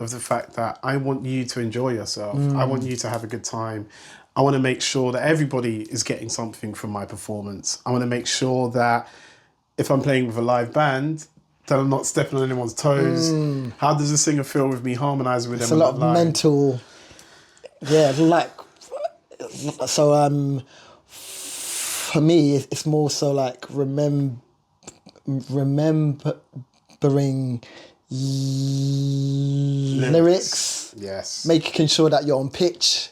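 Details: Stuttering (stammer) in an adult male singer.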